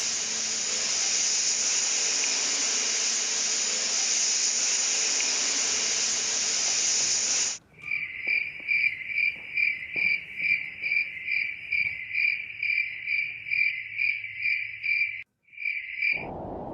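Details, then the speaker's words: Simulated tinnitus: steady high hiss, then rapid high-pitched cricket-like chirping, phantom sounds patients find bothersome especially in night-time silence when trying to fall asleep. "escuchar cómo pueden ser algunos de los sonidos con los que viene el paciente y que le molesta sobre todo cuando hay silencio de la noche y quiere conciliar el sueño"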